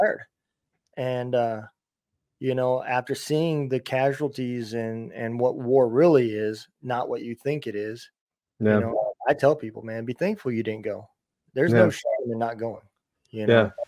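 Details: Adult man speaking; ordinary speech.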